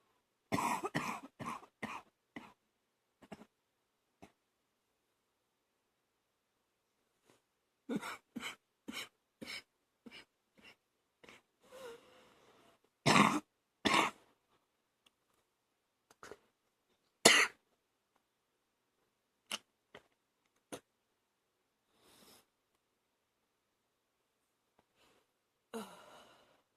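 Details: Adult coughing at night: repeated harsh bursts and throat clearing with wet, phlegmy coughs and gagging; productive wet cough.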